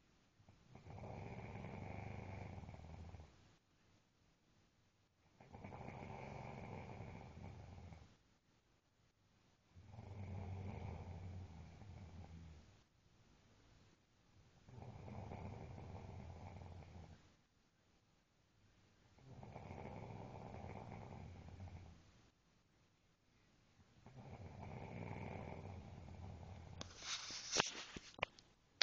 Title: Cant sleep thru the snoring... sounds like a bad thunderstorm lol